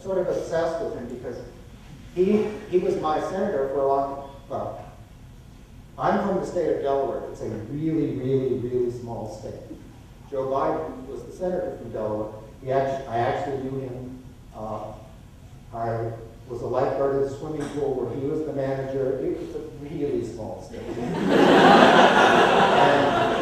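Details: Adult man lecturing; normal speech.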